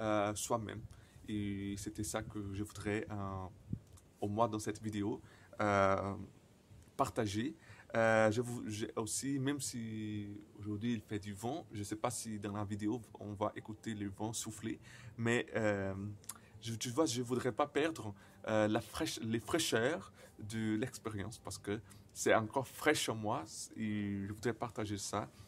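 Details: 28-year-old Brazilian man who stutters, speaking non-native French; he says his stuttering very often includes silences and at other times many repetitions; stuttering.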